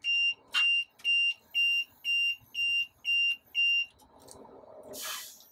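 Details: LTV 1200 ventilator disconnect alarm as the circuit is opened to insert an inline nebulizer: eight sharp, evenly spaced high beeps at about two per second, then quiet room noise.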